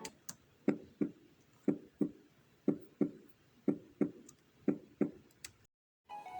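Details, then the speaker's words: Regular paired lub-dub heart sounds at about 60 beats a minute, clean with no extra sounds; normal first (atrioventricular valve closure) and second (pulmonary and aortic valve closure) heart sounds, auscultation teaching demonstration. "el primer ruido es provocado por el cierre de las válvulas ahora ventriculares que coinciden con la onda pulsátil se escucha en silencio y viene el segundo ruido que corresponde al cierre de las válvulas pulmonar y aórtica los vamos a escuchar así"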